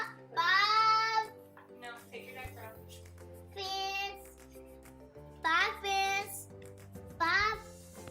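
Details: Autistic child producing inappropriate, intrusive vocal scripting while distracted from a task; vocal scripting (delayed echolalia).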